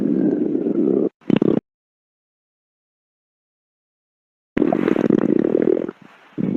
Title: stomach growling compilation